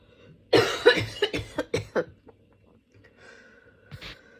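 A fit of about six rapid, harsh coughs in a row, then a short breath in: a coughing fit with a cold.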